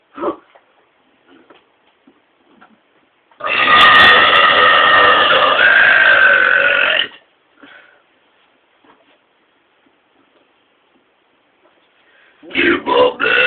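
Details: Burping: one loud, sustained burp lasting about four seconds, with a short burp burst at the end; voluntary belching.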